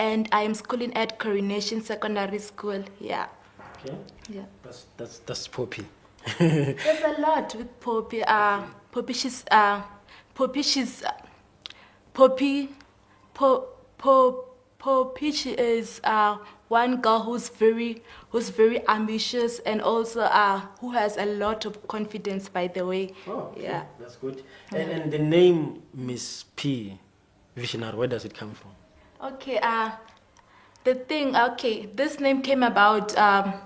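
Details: Male speaker who confirms he has a stutter, which is audible during the interview: stuttering.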